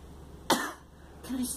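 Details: A girl coughing: a single short, sharp cough burst, followed by a brief voiced sound.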